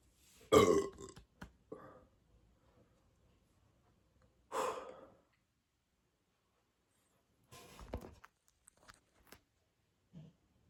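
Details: Repeated burping with bloating: about three or four short throaty belches separated by quiet pauses.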